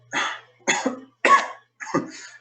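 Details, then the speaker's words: Simulated patient interview: an adult man acting a patient gives four harsh, rattly, wet coughs; he reports six months of persistent cough with very yellow phlegm and blood streaks for the past two weeks. "tenido una tos muy persistente con una flema de color muy amarillento, botando una flema de color muy amarillento, doctor."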